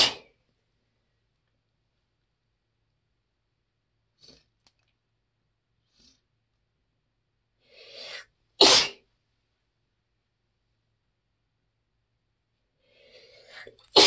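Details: Three fairly soft sneezes from an adult, each after a brief catching inhale, deliberately quieter than the person's usual loud sneezes.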